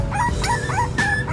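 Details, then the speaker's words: Puppy gives repeated high, rising-and-falling whines and yelps from severe abdominal pain; owner suspects constipation because it has not defecated for two days, and an enema is about to be given. Pain vocalization. "con này nó đang đau bụng dữ lắm luôn nè Nó kêu quá rồi"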